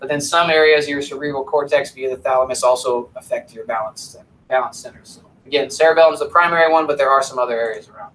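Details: Adult male lecturer; normal speech.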